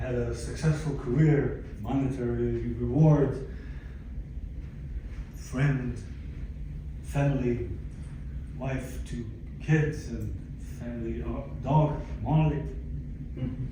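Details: Aphasia in a 62-year-old man, acquired after a stroke in December 2011 that followed a cardiac ablation for arrhythmia; affects languages and speech; attending speech therapy at an aphasia center.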